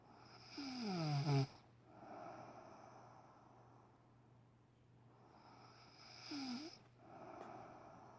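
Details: Adult woman snoring loudly in sleep at 6am: two loud rattling snores about five seconds apart, each ending in a rising whistle, with quieter breathing between; heavy sleep snoring.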